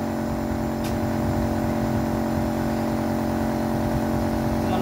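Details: Nebulizer compressor running during a child's nebulization for a cold: steady droning motor hum with a constant buzzy pitch.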